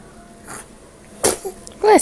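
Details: A faint puff of air, then a single sharp, small sneeze from a cat, followed by a brief rising voice in a quiet room where a baby plays in a baby rocker.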